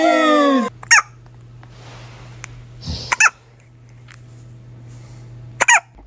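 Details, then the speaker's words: Baby with recurring hiccups: a brief infant squeal, then three short, sharp, high-pitched hiccups about two to three seconds apart over quiet room hum. "You got the hiccups again."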